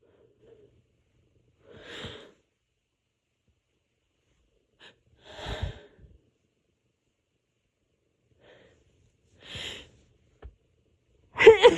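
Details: A person recovering from a cold, with an itchy nose and a hoarse voice, deliberately induces a sneeze: three drawn-out breathy intakes build to one loud, explosive sneeze.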